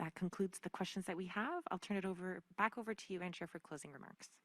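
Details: Adult speaker; ordinary speech.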